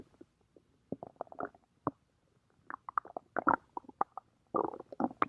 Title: stomach growling 12